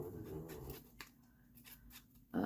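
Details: Snoring from a sleeping pet dog: a low, rumbling snore fading into quiet breathing, with faint room noise; normal sleep snoring.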